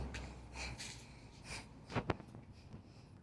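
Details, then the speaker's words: Vocal tic in an adult with Tourette's, occurring mid-speech: brief soft breathy sounds followed by two sharp gasp-like snorts near two seconds, a sudden simple vocal tic. "might need to get me that was just a tourette's tick that just happened"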